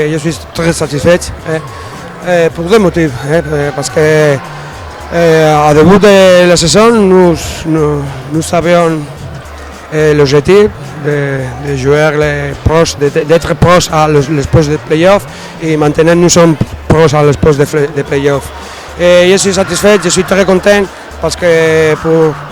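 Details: Adult male speaker; Normal voice.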